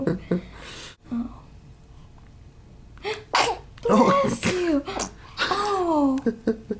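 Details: Compilation of a baby girl's sneezes: small, sudden, breathy bursts between soft fussing noises, with a caregiver saying "bless you"; infant sneezing.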